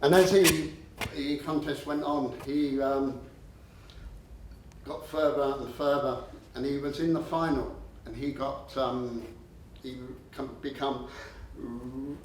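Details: Adult man with a stammer who used to swap words and later controlled it with a breathing technique; stuttering (stammering).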